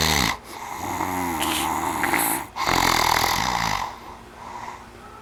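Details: Adult man asleep and snoring: loud, rough rattling breaths in and out with a low buzzing tone, broken by a brief pause. Snoring.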